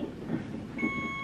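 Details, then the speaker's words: Hospital labor room: an IV infusion pump delivering potassium through a left-arm IV to a laboring woman, awaiting amniotomy. Room rumble and movement, then a steady electronic alarm tone; IV infusion pump alarm. "my potassium machine is going off again"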